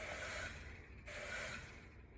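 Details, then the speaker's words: Two bursts of rushing gas hiss as the anesthesia machine O2 flush is pressed, with the pop-off valve closed and the rebreathing circuit end occluded for a leak test; a slight leak was found; oxygen flush hiss. "so we're going to hold it as tight as we can and then push our O2 flush over here"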